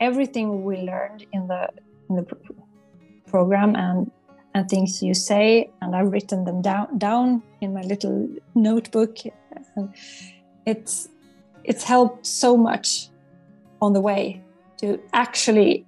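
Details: Adult psychologist who stutters, a client of a stuttering coaching program, with audible word repetitions; stuttering.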